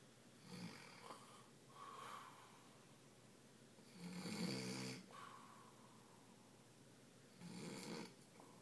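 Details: Sleeping adult man in a quiet hotel room, rattling, vibrating snores on each breath every few seconds: ordinary snoring.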